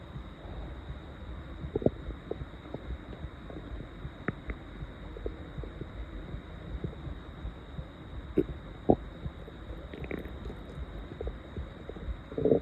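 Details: Loud stomach growling at 7 a.m. in a very hungry person after more than 20 hours without food, audible without a mic: irregular gurgles, pops and low rumbling from an empty stomach (hunger borborygmi).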